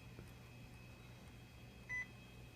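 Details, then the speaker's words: IV infusion pump during primary infusion setup, programmed at 100 mL per hour for 500 mL: a single short electronic alarm beep over quiet room hum, because the tubing clamp was still closed. "oh it was beeping at us because the clamp is still done okay"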